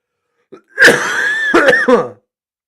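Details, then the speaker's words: Sick adult who feels mucus rumbling in his lungs, not clearing as usual: long rasping throat clearing, then three short, loose cough bursts; productive wet cough. "If I cough, you might be able to see that I'm sick. Let me see if it You guys catch that? Did you hear like the rumbling in my lungs?"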